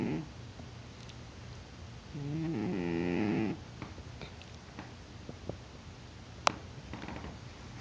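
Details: Cat in deep sleep, not waking despite being poked, snores louder over time; one clear rattling snore of about a second and a half amid quiet room noise. Ordinary snoring.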